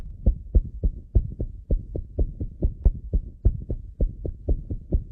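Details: Normal heart sounds: steady, rapid low thumps in a paired lub-dub. S1 comes from mitral and tricuspid valve closure and S2 from aortic and pulmonary valve closure.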